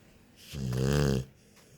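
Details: One loud, low, rattling snore on an in-breath from a sleeping "buddy" lying so close to the edge he almost falls off; snoring.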